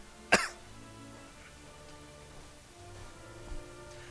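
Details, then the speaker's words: One short, sharp cough from an adult streamer, then quiet, with soft background music throughout. "oh my gosh do I sound like a hopeless fool right now with my coughing of a lung"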